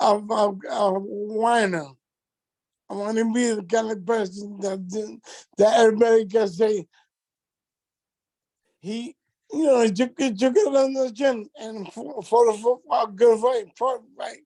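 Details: Adult man with multiple system atrophy affecting his speech and gait; dysarthria.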